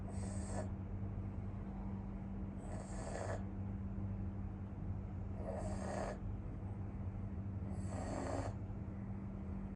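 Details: Two friends in deep sleep, one a pug dog, snoring: four rhythmic raspy snores, about 24 a minute, over a steady hum.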